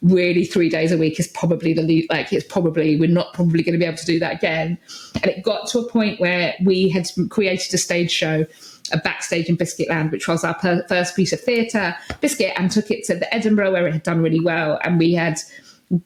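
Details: Adult woman with Tourette syndrome, tics since about age 6 that intensified in her early 20s, with vocal tics of repeated words such as "biscuit" and "hedgehog" and sometimes coprolalia; vocal tics (Tourette syndrome).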